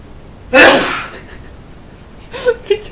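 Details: Popsie sneezing during a sneezing fit, one of several in a row (4 or 5 before filming began); a single loud, forceful sneeze followed by quiet room noise and brief soft voices.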